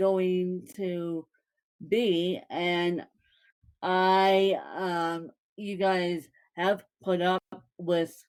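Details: Dysarthric speech in a woman born with cerebral palsy (congenital); no speech disorder is named by the source.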